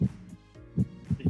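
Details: Simulated patient in a VR nursing training app, no chest pain, auscultated with a stethoscope at the pulmonic area: normal heart sounds.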